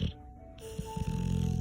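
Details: Female snoring: low, rumbling snore sounds build from about 0.6 s, with music playing in the background.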